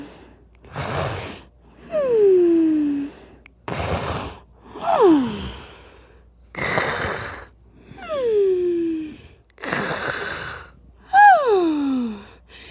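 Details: Simulated cartoon snoring sound effect of the animated character Miguel, dreaming of El Dorado: repeated noisy inward gasps, each followed by a squeaky, falling whine on the breath out, about ten cycles a minute. Imitated gasping snore.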